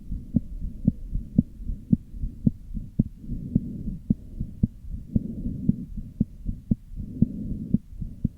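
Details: Heart murmur with arrhythmia: heart sounds at roughly 115 a minute with uneven spacing and a soft whooshing hum filling the gaps between beats.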